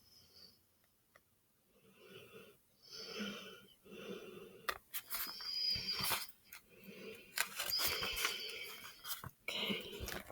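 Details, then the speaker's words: A pet animal asleep in a small room: soft, raspy, wheezy breaths in an uneven rhythm, growing louder and snuffly toward the end; snoring. "I know Simon is very excited can you hear him snoring"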